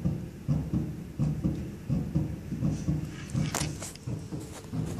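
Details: Own normal heart sounds recorded with a homemade digital stethoscope using a carbon microphone and amplifier circuit that flashes an LED with each beat: steady, regular low lub-dub thumps at about 85 a minute.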